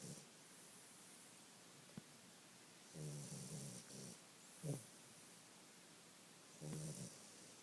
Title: Taco snoring